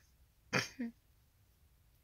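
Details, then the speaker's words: Adult with Tourette syndrome having really bad tics tonight: abrupt throat-clearing and grunt-like bursts, two close together, then another after a pause; involuntary vocal tics. "I'm having really bad tics tonight and I felt kind of like I get a lot of questions about um the noises that I make or why I roll my eyes a lot or about my tics"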